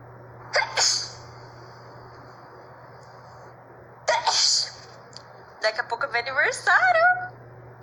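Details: Person in Brazil remarking they had not sneezed in a long time: two sharp sneezes, each a quick double burst, followed by a short spoken exclamation.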